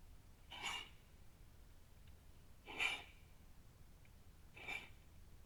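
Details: Wild deer coughing outdoors: three short, harsh, airy bursts about two seconds apart.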